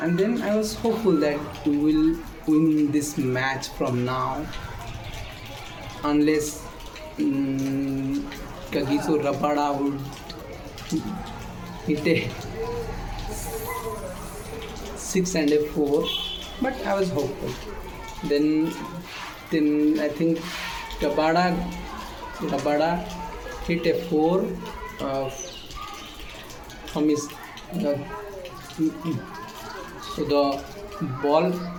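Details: Male speaker with self-reported stammer; phrase restarted after long pauses with voiced sounds; stuttering.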